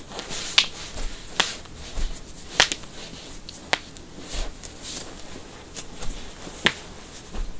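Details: A compilation of deliberately cracked toes, knuckles, necks, backs and ankles gives several sharp, separate pops and cracks over a steady hiss; joint cracking (cavitation).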